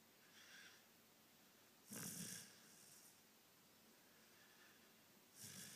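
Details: Dog napping on the sofa, lightly snoring: two brief, hissing, snorting breaths a few seconds apart.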